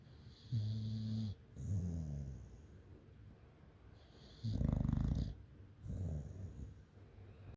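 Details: English Bulldog snoring: slow, rhythmic low rumbling snores with each breath, about four cycles in a few seconds, against a faint background hum.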